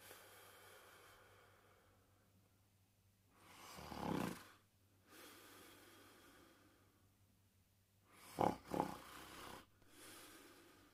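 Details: Snoring during sleep: quiet breathing with two louder, rough, snorting snores in a quiet room.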